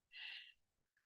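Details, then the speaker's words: Inspiratory stridor from laryngomalacia, with collapse of the arytenoids obstructing the glottis, in a lecture on young children; a single brief, high-pitched, harsh noise on breathing in. "Entonces cuando el paciente toma aire produce estridor Esto no es CR esto es una laringomalacia"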